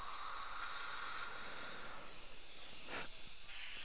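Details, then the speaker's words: Dental water syringe rinsing soapy cleanser from around implant abutments at teeth 13–14 in an un-numbed patient with a loose-screw implant bridge, cotton roll placed: steady hissing water spray with a brief gurgle; dental water spray. "squirt a little bit in there squirt a little bit in there and we'll rinse that thoroughly it tastes like a soap because that's exactly what it is"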